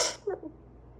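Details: A single sharp, hissing sneeze burst, then a brief voiced exhale in a quiet room; adult in a sneezing fit, cedar named as trigger.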